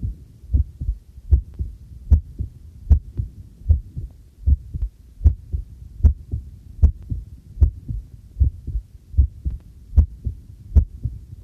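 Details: Own heartbeat recorded with homemade field stethoscope microphone during housework: steady regular beat about 76 beats a minute, faint running tap water and clinking tableware behind; normal heartbeat.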